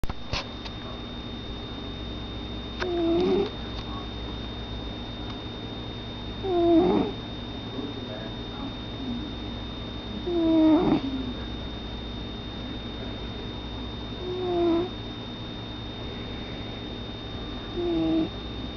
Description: My cat Cappy snoring!!!